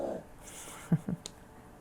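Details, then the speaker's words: Loud snoring from a male sleeper, heard in the background of a recording; the snore is described as pretty loud. "I don't know if you can hear it, but that was pretty loud. Max snoring again."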